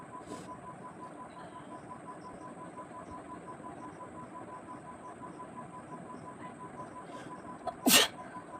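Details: Single sharp, explosive sneeze after quiet room hiss, deliberately provoked by tickling the nose with a twisted saree end, one of 15 sneezes in a nose-sneezing challenge.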